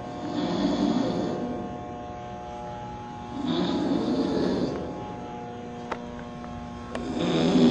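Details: Man asleep during a music studio session; slow, rough snoring breaths about 19 a minute over music and room hum; snoring.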